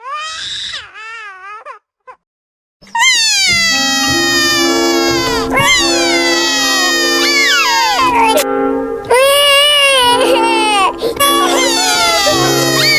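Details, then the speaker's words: Infant crying from a sound-effect recording: loud, high-pitched wailing in repeated long bursts over a steady underlying tone. "IS YOUR baby crying? I'll make them stop."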